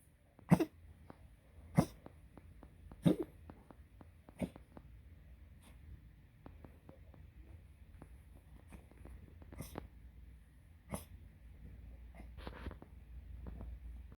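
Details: Dog giving a series of short, sharp, sometimes sneeze-like coughs separated by quiet breathing.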